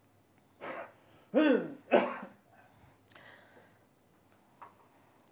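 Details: Cough on swallowing during a bedside swallow test in speech and language therapy, possibly indicating aspiration: the patient is trialling syrup-consistency fluid.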